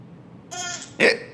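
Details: Baby with hiccups: a brief voiced sound followed by a sharp, abrupt gulp-like hiccup.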